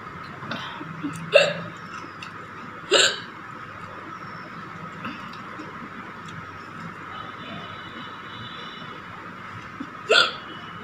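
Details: Three abrupt, short gulping hiccups at irregular intervals over about ten seconds with quiet room noise, in an adult woman eating very spicy green chili with rice without drinking water.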